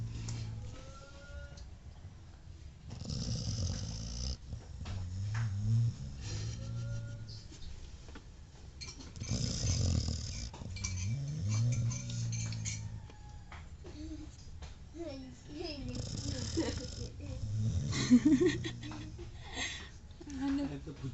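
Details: Sleeping dog snoring: rhythmic rattling, snorting breaths over several cycles with some squeaky nasal noises.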